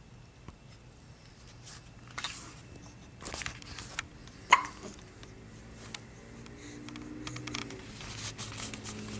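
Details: Brief soft hiccup sounds over room noise and rustling from a four-week-old infant; infant hiccups.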